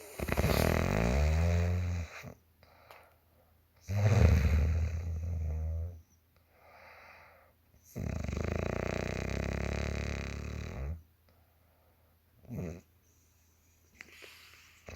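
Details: A mother's loud, rattling snores on each breath in, about 2 to 3 seconds long, with quiet breaths out between, about 15 breaths a minute; snoring.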